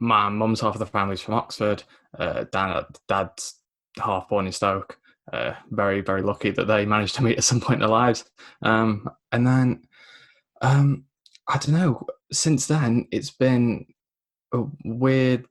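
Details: Man aged 24 with a lifelong stammer, mainly blocks, worse when nervous, self-described recovering stammerer after the McGuire programme at 15; stuttering (blocks)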